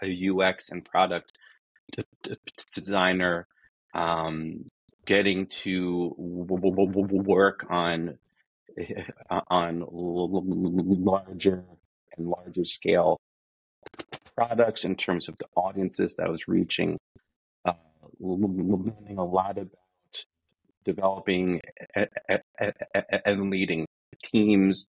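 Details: Adult man who says he is a person who stutters, real and not a recording artifact; stuttering.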